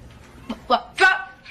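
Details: Acted film portrayal of a boy with Tourette syndrome, uncontrollable noises said to worsen with stress; vocal tic interrupting class (Tourette syndrome).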